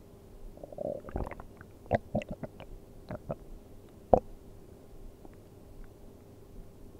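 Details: Person sleeping on an empty stomach, with soft gurgles and squelching rumbles from the belly in a quiet room: ordinary empty-stomach bowel sounds (borborygmi).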